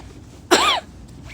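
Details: Single short, forceful, strained, throaty cough outdoors right after breathing in smoke from a passing train (called Amtrak, though described on the spot as a freight); irritant cough.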